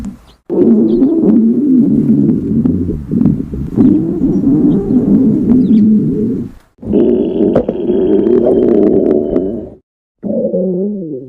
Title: The gotcha stomach growl compilation + stomach growl videos